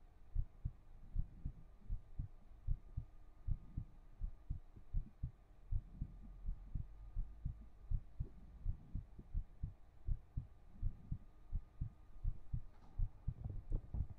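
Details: Soft, steady low thumps at about 80 a minute, an ordinary-sounding heartbeat over a faint hum, recorded with a 3Dio binaural microphone during an ASMR stream.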